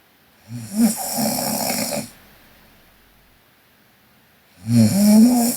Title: Sleeping Korean Girl Snoring (PNGK) Part 3